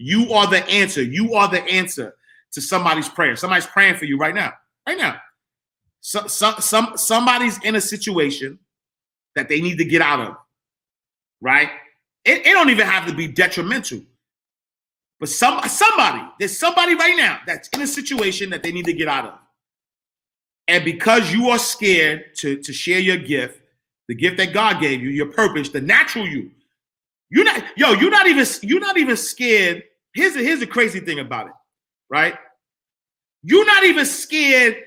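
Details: Adult man whose stuttering began in childhood and persists when he talks fast or is excited; he says it is occurring now.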